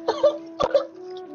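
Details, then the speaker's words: Four short, harsh bursts in two close pairs, the later ones louder, over a steady background hum; a small cough that turned into a big cough, a brief coughing fit. "That was a very small cough, and then it turned into a big cough."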